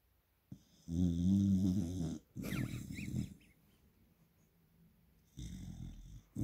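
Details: Springer Spaniel puppy snoring in her sleep: loud, low, buzzing snores on breathing in, each followed by a rougher breath out.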